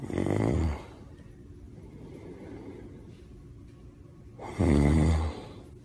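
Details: Adult man, a father, asleep as his daughter tries to wake him: two loud, rattling snores on inhalation about four seconds apart with quiet breathing between; ordinary heavy snoring.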